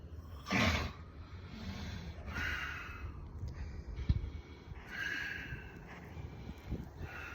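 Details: Adult man (husband) snoring: several noisy, snorting breaths with a rasping, fluttering quality, a few seconds apart, amid faint room noise. Snoring.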